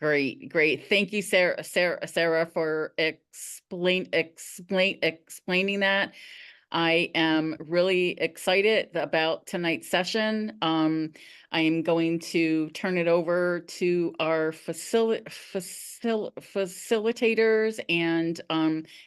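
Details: Adult woman who stutters, speaking at a stuttering support-group meeting; repeated syllables and words heard; stuttering.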